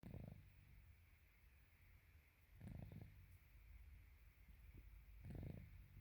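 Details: An 18-week-old infant snoring: soft, low rattling snores recurring about every 2.5 seconds over quiet room noise.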